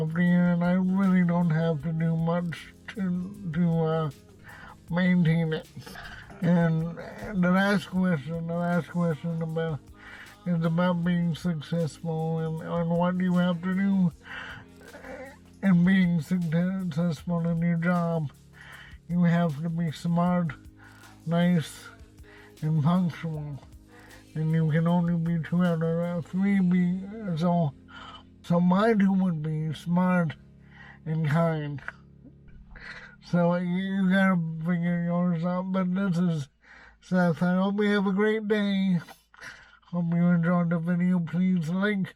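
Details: Adult man with cerebral palsy and a self-described speech impediment; dysarthria (cerebral palsy)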